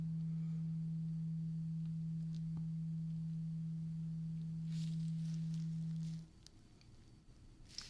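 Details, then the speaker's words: Simulated ASMR hearing test: steady low pure hum of a struck tuning fork held by the ear, stopping abruptly after about six seconds while listener, eyes closed, reports when sound stops; tuning fork tone. "And I'm going to be using a tuning fork on both of your ears. It's going to sound like that. So, I want you to tell me when the sound stops."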